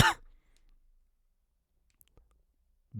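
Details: A single short adult cough at the start from a person who reports being ill and congested, followed by near silence with faint small noises.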